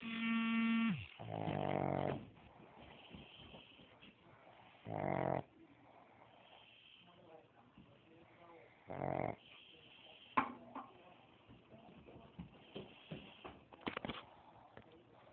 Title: My pug snores